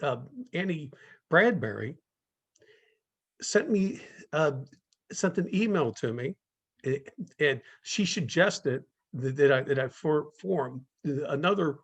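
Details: Speaker in a stuttering-community talk series, with long pauses between words suggesting blocks; stuttering.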